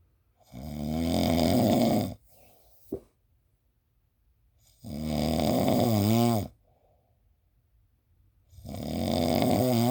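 Long, loud, rough droning snores on breathing in, each lasting about two seconds, around 16 breaths a minute: heavy snoring.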